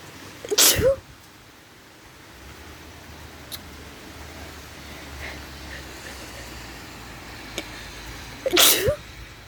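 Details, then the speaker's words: Two sharp, explosive sneezes about eight seconds apart with quiet room noise between, set off by deliberately sniffing porch flowers the person is allergic to. "i don't know why she put them there when she knew i was allergic to flowers but you know i'm gonna take a sniff and i'm gonna sneeze for you guys"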